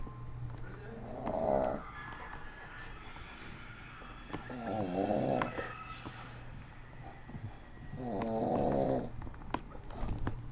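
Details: Father snoring while passed out: slow, rattling snores on breathing in, about 17 a minute, over steady room hum; ordinary snoring.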